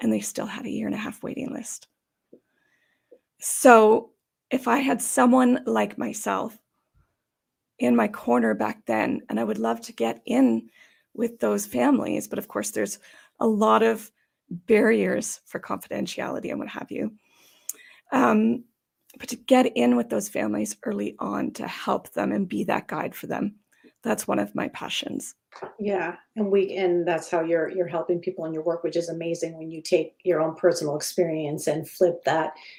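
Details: Adult woman with idiopathic subglottic stenosis for about 12–14 years, treated with repeated tracheal dilatations and surgeries: dysphonia from idiopathic subglottic stenosis.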